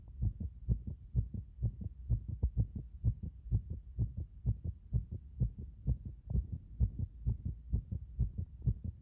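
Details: Heart sounds recorded at various positions through a stethoscope: regular low thumping paired beats at about 64 per minute.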